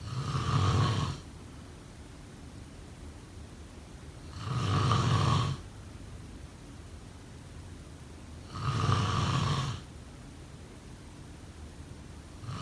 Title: Snoring sound… #2